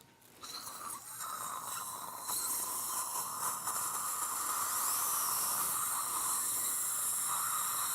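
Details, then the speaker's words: Dental implant drill (4.0 mm), steady high-pitched whine with hissing water spray, during live implant surgery, before the final 4.5 mm drill. "so at this time you check the pump operation earlier okay good next drill 4.0"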